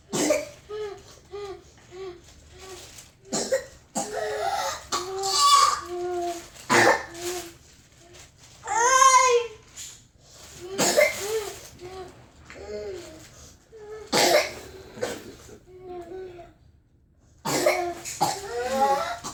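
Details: A young child with whooping cough, trying to sleep at night on a trip, has runs of rapid repeated coughs with crying between them, urged to breathe and spit up: pertussis coughing fit.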